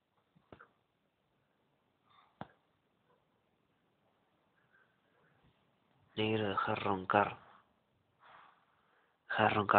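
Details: Black dog sleeping loudly enough to keep people awake gives, after a quiet stretch, loud, deep, rattling inspiratory snores with softer airy out-breaths between.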